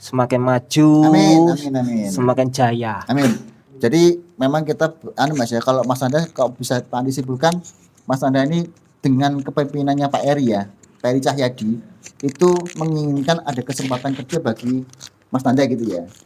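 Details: Adult man speaking Indonesian; ordinary speech.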